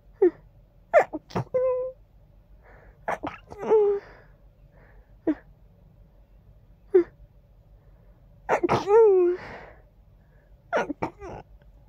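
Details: Congested person: series of short, muffled, clipped sneezes, some with a brief squeaky voiced catch, in a quiet room; stifled sneezes.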